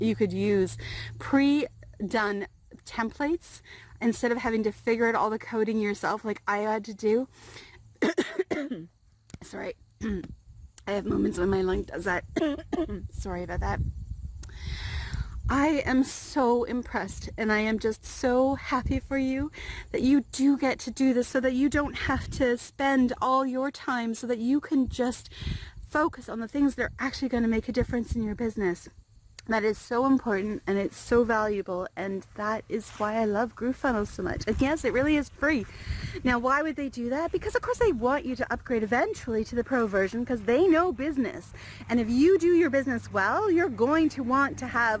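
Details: Adult woman with dysphonia after prolonged intubation: in 2016 she was put into a medicated coma and ventilated for about three weeks for double lung pneumonia that progressed to acute respiratory distress syndrome.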